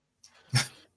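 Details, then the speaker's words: A sleeping dog snoring: one soft breath builds into a brief, low, rumbling snort. "that's just a dog snoring not me having a breakdown"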